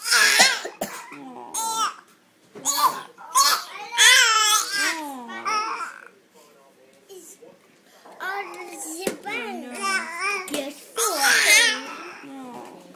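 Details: Young child with watery eyes gives several short, harsh coughs mixed with fussy, whimpering sounds in a quiet room; a childhood cough.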